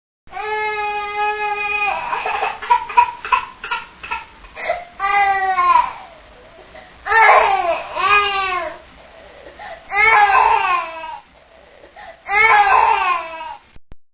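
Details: Infant crying sound effect: repeated wailing cry bursts with short gasping pauses between them.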